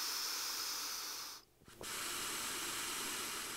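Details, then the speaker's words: Four to six resisted breaths through The Breather respiratory muscle trainer before huff coughing to clear mucus: steady, forceful airflow hiss against expiratory resistance, with a brief pause between breaths. "you may even combine your rmt with the huff cough maneuver this can be done by completing four to six breaths through the breather"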